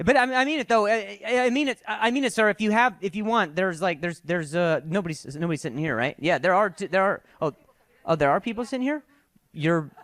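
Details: Adult male comedian with real stuttering present for years, which he attributes to a softball injury; finding: stuttering.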